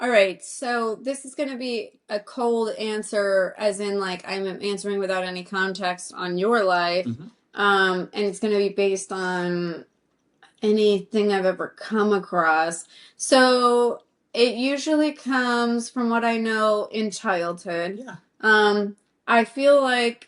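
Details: Adult woman speaking; normal speech.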